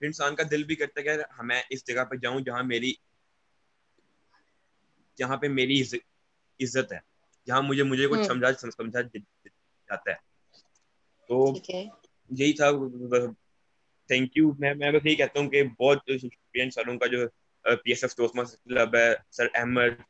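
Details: Young man who stammers, speaking Hindi on a stammering awareness panel; stuttering with repeated words.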